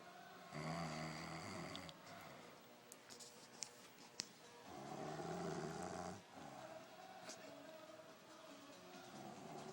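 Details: Man asleep sitting up after apparently drinking heavily, snoring loudly: rumbling snores with each breath in, about two every ten seconds, light room noise between.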